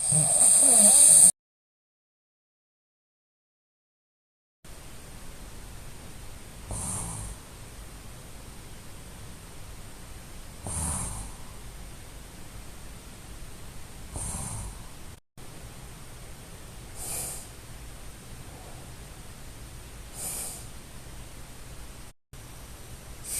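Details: Soft, regular sleep breathing about 17 a minute, low room hiss, no loud snoring. Recorded in a before/after snoring comparison for an MTM tongue-guard oral appliance used for severe sleep apnea snoring.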